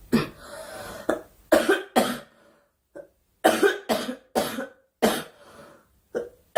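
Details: Young woman during a live stream: about ten sharp, dry coughs in quick runs with short pauses; repeated coughing.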